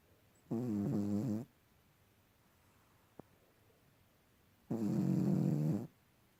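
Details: Sleeping cat: two loud, rattling snores about four seconds apart with quiet between; snoring.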